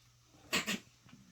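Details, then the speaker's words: Cat in a household where all 12 cats have "the sneeze", an upper respiratory something per owner: two quick, sharp hissing sneezes. "so officially I just start this guy's sneeze officially everybody in the house all 12 cats have the sneeze it's an upper respiratory something"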